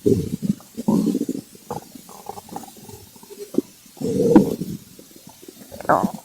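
Bursts of gurgling, bubbling rumbles with short squeaky notes, the ordinary growling of an empty stomach.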